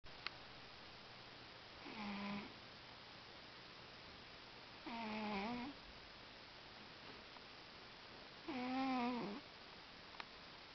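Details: Cat snoring: three rhythmic, buzzy, voiced snores, about 17 a minute, over steady room hum; snoring said to get even louder than this.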